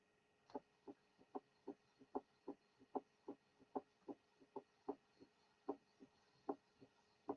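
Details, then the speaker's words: Teaching recording of a third heart sound (S3), occasionally removed to show its position in the cardiac cycle: regular rhythm near 75 a minute with a soft, low extra sound after the second sound. "Listen to the following S3. The third sound will be taken out occasionally to enable you to determine its position in the cardiac cycle."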